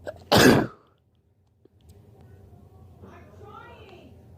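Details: Allergy sneezes collected over one day (birthday), recorded whenever the urge came: one loud, explosive allergic sneeze, then quiet room noise and faint movement.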